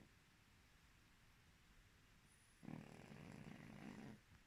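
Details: Snoring from a sleeping pug: after a quiet pause, one loud, low, rattling breath lasting about a second and a half.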